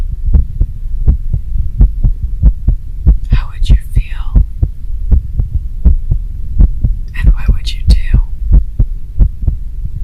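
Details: Rapid heartbeat played in an ASMR story: steady, deep, paired heart thumps at roughly 90 a minute, with two soft breathy rushes.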